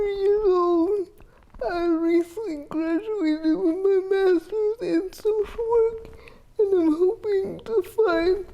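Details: 30-year-old woman with GMFCS Level 4 spastic quadriplegic cerebral palsy with an athetoid component, affecting all muscles including those for articulation; dysarthria (cerebral palsy).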